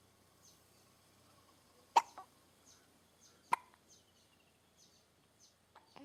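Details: Three-banded plover filmed in Kruger, with hiccup sound effects dubbed in afterwards (simulated, not real bird sounds): two abrupt, sharp gulping clicks about 1.5 seconds apart over faint background chirps.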